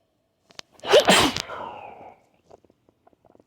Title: Making myself sneeze